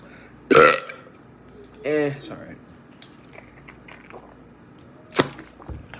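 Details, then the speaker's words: A loud, drawn-out belch after drinking Sunkist soda, then a shorter second belch and a brief sharp burst, with quiet room noise between; deliberate burping. "hey I told you when to get 10 likes I'll be try to see if I could do a big burp with this let's"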